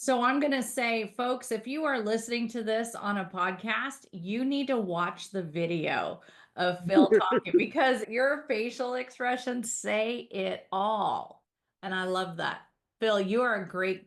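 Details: Adult woman speaking; normal speech.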